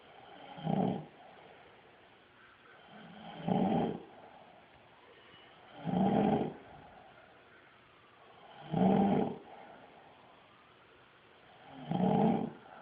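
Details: Man sleeping soundly, not flinching at camera flash, birds, sirens or barking dogs: loud, rough snores on each inhalation, about 21 breaths a minute, with quiet pauses; heavy snoring.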